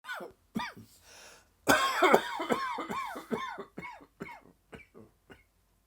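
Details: Dry, tickling coughing fit that came on suddenly in the afternoon: a rapid run of about a dozen short, dry, voiced coughs.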